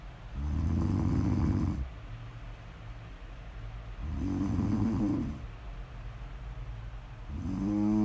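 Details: A person asleep, recorded as snore-audio ASMR: loud, low, rattling snores on each in-breath, roughly one every three to four seconds, with quieter out-breaths between; snoring.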